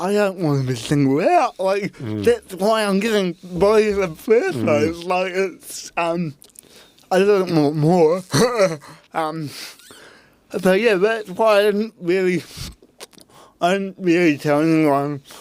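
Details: Dysarthria in a real adult man with cerebral palsy from birth; his parents were told at birth he would never walk or talk, and he had intensive therapy from birth to age six to help him walk and talk.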